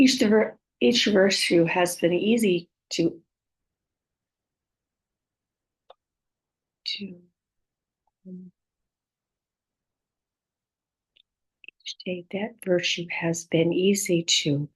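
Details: Woman with aphasia, apraxia of speech and dysarthria after a stroke, speech sometimes hard to understand; aphasia with apraxia of speech and dysarthria.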